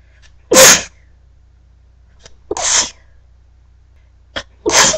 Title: Early morning sneezes